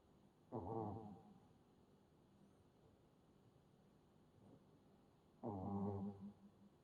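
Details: Two soft, rumbling snores about five seconds apart from a sleeping Shih Tzu puppy, with a quiet room between them; ordinary harmless snoring.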